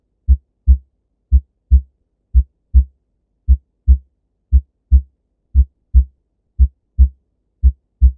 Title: Normal Heart sound.